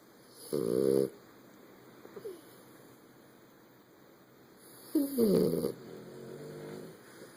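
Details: Two snorting, rattling snores several seconds apart over a steady room hum, during sleep; snoring.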